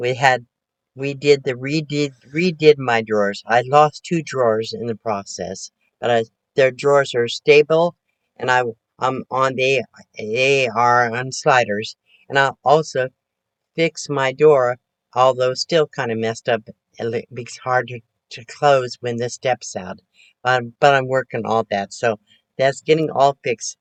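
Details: Post-stroke aphasia with word-finding difficulty in a 72-year-old woman recovering from her second major stroke, which she says affected her thinking; speech improving, with repetitions and self-corrections.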